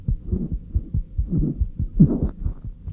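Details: Rapid, regular low heart thumps with some beats sounding doubled or closely paired, a split heart sound, heard on auscultation, likely in a child (paediatric heart sounds context).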